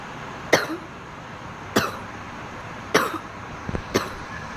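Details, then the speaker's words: Four sharp dry coughs about a second apart in a car, an irritant cough in a young woman right after a bong hit of cannabis. "I'm just coughing from that bong hit. I'm gonna get so high and cough so much after I take a dab."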